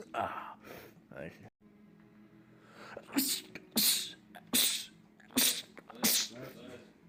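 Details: Several rapid, forceful sneezes in quick succession by a man, after brief speech, with film audio in the background; a rapid sneezing attack in a compilation of film clips.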